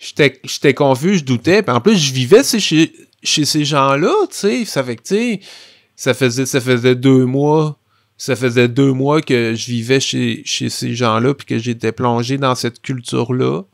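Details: Adult man who stutters, a comic book author, speaking French; stuttering.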